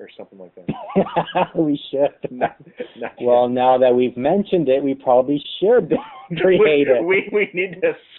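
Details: Lifelong stuttering in an adult co-host of a webcam podcast about stuttering; stuttering.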